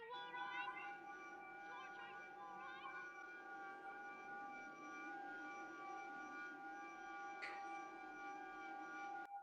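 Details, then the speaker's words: Simulated tinnitus in a 1970s film clip: steady high-pitched ringing tones over muffled sound, imitating a character's ear ringing after something big happens; not a real recording of ear ringing. "the ever famous tinnitus sound. And so this was the first film that explored, like, okay, something really big happened. How do we go into the perspective of the character?"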